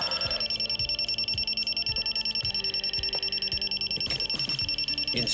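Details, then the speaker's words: Neatcell pulsed laser on lower settings removing the user's own childhood tattoo, smoking the hair and stinging: steady, rapid high-pitched device beeping, about 150 a minute, over background noise. "I spend my laser I don't know why they make it beep"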